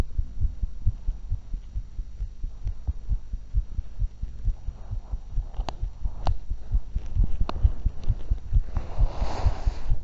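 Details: Heart sounds recorded for 2 minutes right after 20 minutes walking, 35 minutes jogging and 5 minutes running: rapid, regular low thumps at about 130 a minute with some rubbing noise; tachycardia after exercise.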